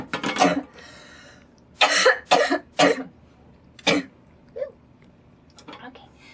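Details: Woman's coughing fit while smoking tobacco: a run of about five harsh, explosive coughs, a few clustered closely, followed by small throat-clearing sounds in a quiet room.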